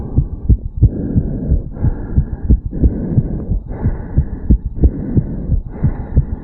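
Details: 34-year-old male, recorded over the mitral area after a quick morning jog: rapid, regular, forceful heart thumps over steady background hiss, fast heartbeat after exercise.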